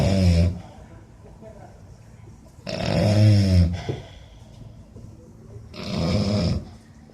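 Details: A person asleep giving loud, low, vibrating snores about every three seconds, roughly 20 a minute; snoring.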